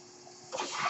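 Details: Person on a mechanical ventilator while speaking: a quiet pause, then a sudden soft rush of airflow as the ventilator delivers a breath.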